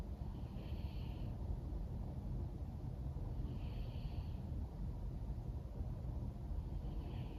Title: listen to cat snoring and wind blowing